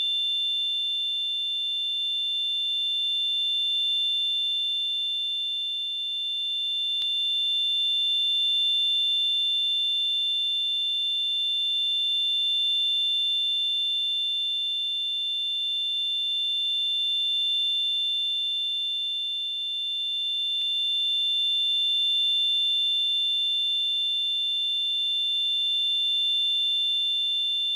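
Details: Steady high-pitched ringing tone with faint hiss, unchanging throughout: simulated tinnitus background sound effect.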